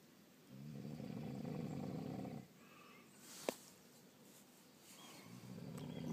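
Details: Person snoring heavily: deep, rumbling, growl-like snores, each about two seconds long, with a sharp click between breaths.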